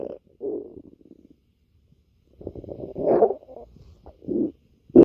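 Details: Stomach growling (borborygmi): irregular low gurgling and bubbling rumbles come in bursts separated by quiet gaps.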